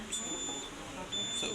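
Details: ZOLL portable ventilator: two high-pitched electronic alarm beeps over room noise, sounding after a setting is switched on; ventilator alarm.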